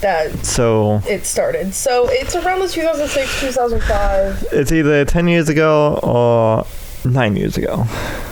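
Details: Speech impairment in an adult male with cerebral palsy affecting the right side of his body, including right arm and leg, which he says causes his speech impediment.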